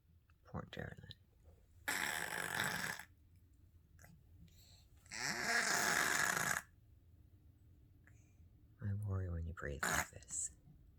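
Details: Three-legged female cat breathing noisily: long, harsh snorting breaths with a rough rattling quality, separated by pauses.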